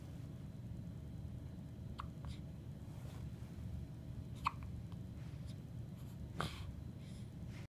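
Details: A child with hiccups: faint, sharp, isolated hiccups over steady room noise.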